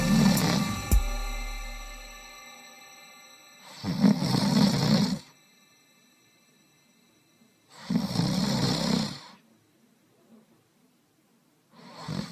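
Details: A husband's loud, harsh, rattling snores about every four seconds, separated by quiet pauses, over a steady background tone; heavy snoring during sleep.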